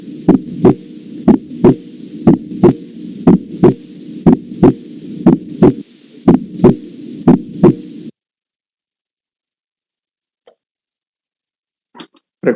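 Regular paired heart sounds near 60 a minute over a low hum; crisp, bright second sound of a normal heart.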